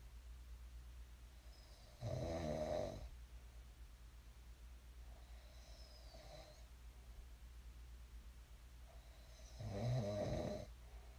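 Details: Two clear rumbling snores in sleep with a softer breath between them, over a low steady background hum; ordinary sleep snoring.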